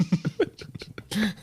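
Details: Adult man coughing after over-inhaling a vape pen during a podcast: a rapid run of about seven short, low coughs ending in a voiced, strained exhale.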